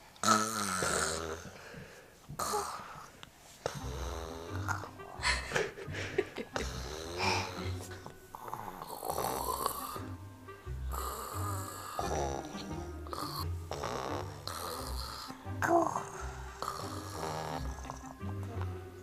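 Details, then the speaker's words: Young child imitating heavy morning snoring: rough, snorting breath sounds over background music. "最近真似するから鼻ほじり違ういびき真似するだって朝めっちゃいびきすごいから"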